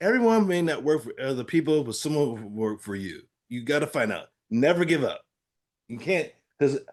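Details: Adult man with aphasia following a stroke, real patient in recovery with therapy-app practice; aphasia.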